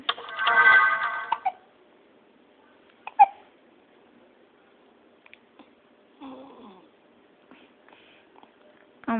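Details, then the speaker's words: Baby girl with hiccups: a few short, sharp, isolated breath catches between quiet stretches, with a parent's soft voice early on. "gosh you look like Daddy right now look got hicup got hicup oh my gosh her do the hiccup look at her and her little boppy"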